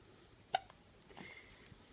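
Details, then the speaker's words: Three-month-old baby boy with recurring hiccups, awake and seemingly annoyed: a single sharp, brief catch of breath against quiet room sound. Infant hiccup. "hi hi sweetie I want to smile for everybody no are you annoyed because you have the hiccups"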